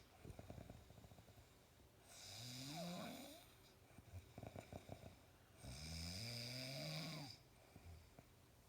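Two loud, long rattling snores on the in-breath, each followed by a quieter breathing-out phase, about one breath every four seconds. Loud snoring.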